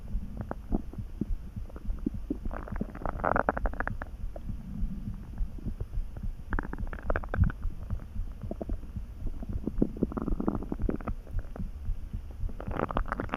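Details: Adult's stomach rumbling while lying down to rest, sleepy and dozing, hungry after lunch: soft low churning with intermittent gurgling bursts, normal borborygmi (bowel sounds).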